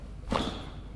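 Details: Adult female hairdresser with jaw clicking during chiropractic assessment: a single short, sharp click on jaw opening as the jaw deviates, a temporomandibular joint not tracking smoothly.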